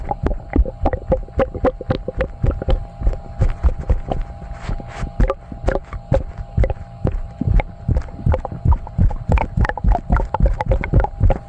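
Rapid, irregular low gurgles and pops from the belly over a steady background hum: sloshing bowel sounds (borborygmi).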